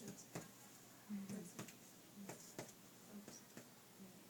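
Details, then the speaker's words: Abdominal percussion in a female patient using concentric circles: sharp finger taps over the left abdomen, the note dropping to a duller sound over the spleen. "now she's tympanic lower quad which is to be expected little dull over the central area which is more than likely"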